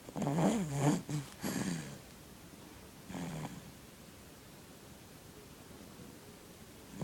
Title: Baby snores